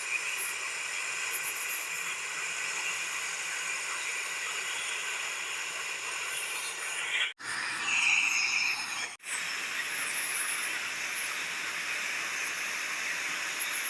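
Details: Steady high hiss, briefly interrupted once, of a Swiss air-flow dental polishing and scaling unit removing disclosing-dyed plaque and tartar, including between teeth, during routine professional cleaning at a dental clinic.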